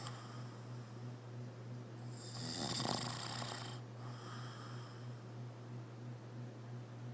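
A single raspy, fluttering snore on the in-breath over a steady low room hum; ordinary snoring.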